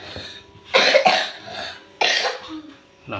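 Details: Child gives about three short, harsh coughs in two bursts with faint room noise between; cough.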